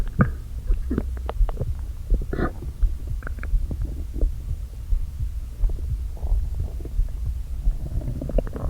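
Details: Low gurgles, groans and squelches from an empty stomach after not eating all day, stomach deliberately inflated with air; bowel sounds (borborygmi), stomach growling.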